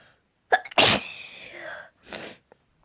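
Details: Build-up to a sneeze: quick catching inhales, then a single sharp explosive sneeze with a trailing voiced tail and a softer breath after: sneezing.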